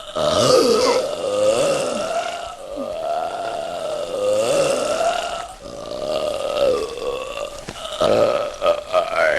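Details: Supercut of burping scenes from different movies: sustained, loud, rumbling belches that rise and fall, with short breaks between them; acted, prolonged burping.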